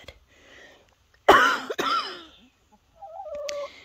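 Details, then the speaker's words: Adult woman outdoors near dark while shutting in her chickens, saying she has already been fighting this cough: two harsh coughs, with chickens clucking nearby. "I've already been fighting this cough so oh my gosh I hope they're all in"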